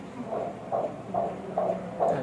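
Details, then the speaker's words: Rapid, regular whooshing Doppler pulses at about 140 a minute during ultrasound at about six and a half to seven months of pregnancy; fetus estimated 954 g, somewhat low weight; healthy fetal heartbeat. "এটা হচ্ছে আপনার বাচ্চার heartbeat শুনতে পাচ্ছেন হার্টবিটও কিন্তু আলহামদুলিল্লাহ ভালো আসছে"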